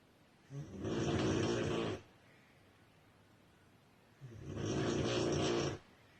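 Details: Woman or girl snoring: two long, loud, harsh snores about four seconds apart with quiet pauses between, heavy snoring.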